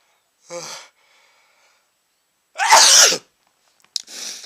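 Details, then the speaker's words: Sneezing induced by sniffing chhinkni sneezing powder: a short sneeze, a pause, then a loud forceful sneeze and the start of another, with watering eyes, a running nose and a tickling, itchy nose. "I feel a sneeze coming on ah that was another gigantic sneeze I still feel it tickling my nose making my eyes water my nose run and I'm going to"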